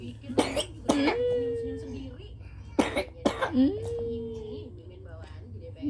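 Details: A sleepy young child with fever gives four short, sharp coughs in two pairs, each followed by a brief drawn-out voiced sound, with low room hum behind; cough.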